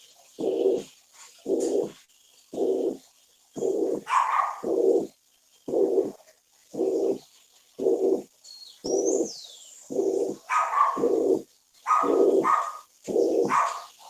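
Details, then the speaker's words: Regular high-pitched, blowing holosystolic murmur at about 57 beats a minute, loudest at the apex: mitral regurgitation, regurgitation into the left atrium during systole. "cuando este soplo es débil o moderadamente intenso es de tono alto y carácter soplante"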